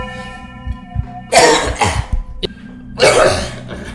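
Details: Adult coughs in loud bursts, with soft music playing underneath; cough.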